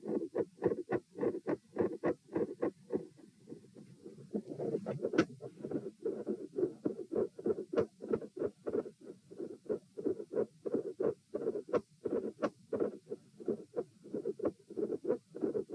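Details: Heart sounds recorded at position P while sitting, standing, then sitting, rate 96-108-96 bpm: rapid regular beats with waxing and waning loudness and split second sound; phasic S1 and S2 intensity changes with split S2.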